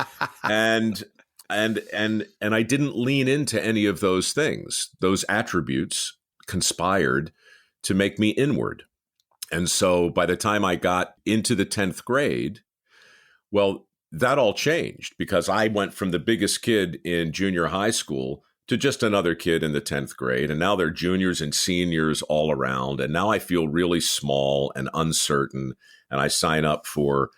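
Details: Adult man who stammered as a youth and now stammers only occasionally; repetitions are audible here; stuttering.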